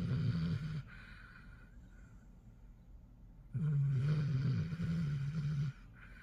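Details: Snoring Basset Hound asleep: two long, low, rattling snores separated by a quiet exhale; ordinary dog snoring.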